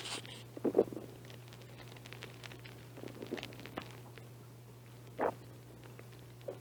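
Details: An adult who has not been eating much lately: soft gurgles and brief bubbling rumbles at irregular intervals over a low hum. This is mild stomach growling (borborygmi).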